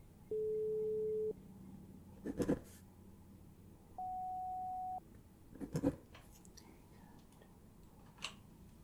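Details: Two steady one-second pure tones at different pitches with soft handling noises between them, played in a simulated ASMR hearing-exam role-play beep test; pure-tone audiometry beeps.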